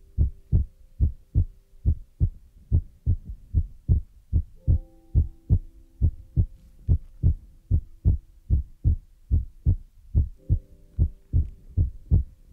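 Steady low double thumps at about 72 beats a minute with faint soft tones in the background; a regular heartbeat.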